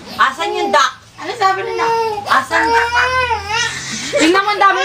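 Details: Fussy, wavering cries and whimpers of a 1-year-5-month-old toddler with an adult voice nearby, at a pediatric visit for weighing, a clear back on examination, and a second hepatitis injection.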